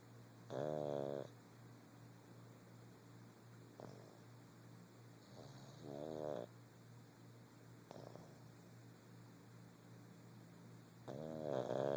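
A small flat-faced dog gives soft, rattling, vibrating snores at irregular intervals in a quiet room. The sounds are snoring.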